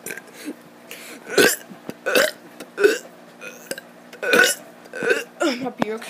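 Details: A child deliberately burps for a video: several short, croaky voiced belches in a row, mixed with brief vocal sounds.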